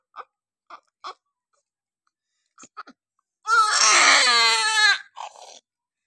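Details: Newborn girl just after normal vaginal delivery: a few soft gasping breaths, then one strong, clear, high-pitched wail as breathing begins; normal vigorous first cry.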